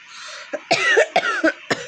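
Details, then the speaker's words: Person with a real mild cough (not from a cold) doing a cough challenge; four short, harsh dry coughs in quick succession after a brief throat sound. "তো আমার real ককই হয়েছে মানে সূক্ষ কাশি টাইপের হয়েছে"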